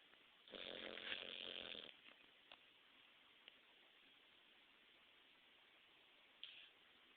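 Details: Snoring from a pug dog, recorded after it woke the owner: one loud rattling snore on a breath in, then quiet breathing with a brief snort.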